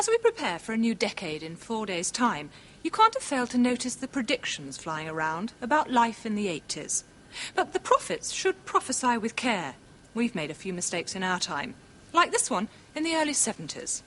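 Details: Adult woman narrating; normal speech.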